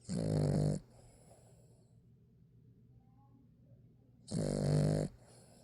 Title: snoring season 6 part 2